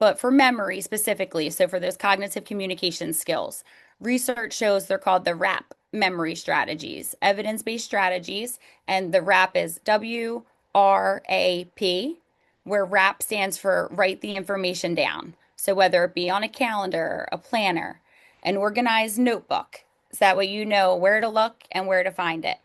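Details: Adult woman speaking; no disorder.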